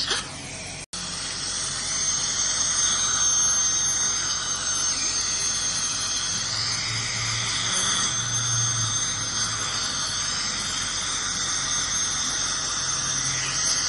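Continuous high-pitched whine with shifting tone and hissing water spray, typical of an ultrasonic scaler during a dental hygiene clean.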